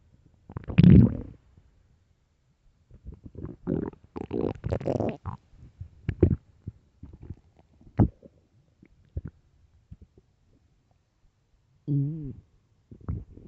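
Deep, gurgling stomach growls in several bursts, one ending in a short rising squeal; ordinary hunger rumbling of an empty stomach.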